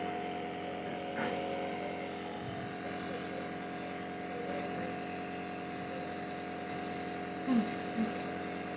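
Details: Nebulizer treatment given for a cough: continuous droning hum with a steady tone from the compressor running.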